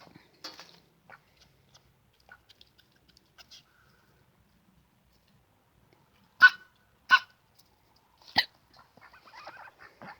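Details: A pet Pekin duck gives three short, sharp sneezes in quick succession, with faint soft quacks and rustling before and after.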